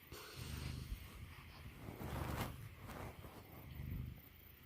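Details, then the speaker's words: Mastiff snoring while very sleepy: low, rough, rumbling snores coming in irregular bursts, likened to a failed chainsaw pull start. "That's like a failed pull start on my chainsaw."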